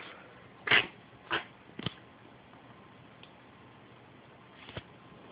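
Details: Three quick, sharp sneezes in close succession, then a faint fourth after a pause, from a cat in a quiet room; sneezing.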